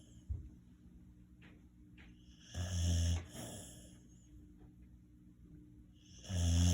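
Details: Dog snoring in sleep: deep, rattling snores on the in-breath with a hissing out-breath, repeating roughly every four seconds.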